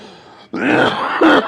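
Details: Adult with respiratory illness lasting a couple of weeks, worsened Thursday, recorded late at night: quiet background, then a harsh, strained cough burst followed by a second throaty bout; forceful, labored cough.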